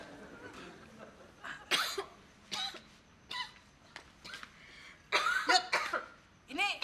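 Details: Simulated cough in an Indonesian comedy sketch: a female singer character gives several short, harsh coughs and clears her throat after drinking tea mistakenly made with salt instead of sugar.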